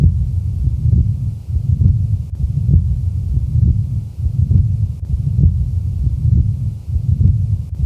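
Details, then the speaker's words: Patent ductus arteriosus recorded at the left base: continuous, machinery-like rumbling murmur swelling with each beat and running through systole and diastole. "now listen to the typical murmur of patent ductus arteriosis recorded at base left"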